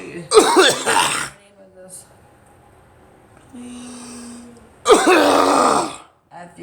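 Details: Two harsh, loose, wet cough bouts with a short pause between, while the person tries to cough up phlegm that feels caught.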